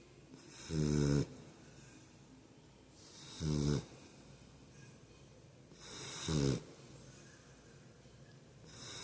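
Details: Sleeping boxer puppies: a low rattling snore on each breath in, about 22 breaths a minute, with quiet pauses between; steady snoring during sleep.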